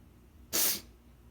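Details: Single sharp, forceful sneeze in a quiet room during an intense autumn sneezing fit. The person suspects a new allergy, possibly to dust, with eyes tearing constantly even between fits.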